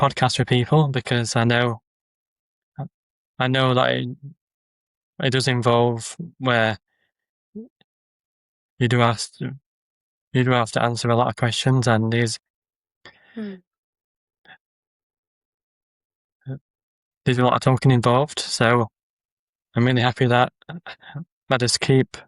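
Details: Adult male with a stammer, heard in conversation; stuttering.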